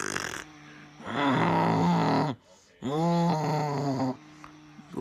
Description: HELP ME comment down below if he will make a earthquake with his snoring 💤 f